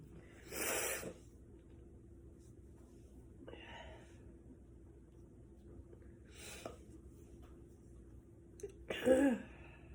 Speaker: The wildfire smoke is getting pretty intense, and I'm just having some sneezies.